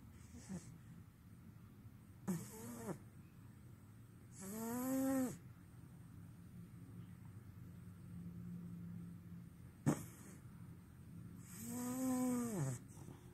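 Five separate snorts and snores in a quiet room, several with a whistling, rising pitch, spaced irregularly over about thirteen seconds; snoring.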